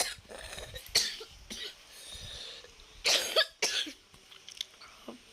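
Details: Short coughs from someone who says they currently have a cough, heard while talking about Roblox.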